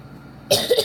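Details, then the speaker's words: Single short, harsh cough bursting from a quiet room, in someone still coughing up snot, after taking pills and an inhaler. "I'm coughing this stuff out still so you might hear me coughing this video"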